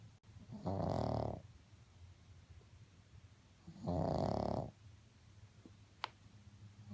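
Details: Snoring from a sleeping pug: two long, rumbling snores about three seconds apart, with quiet breathing between them.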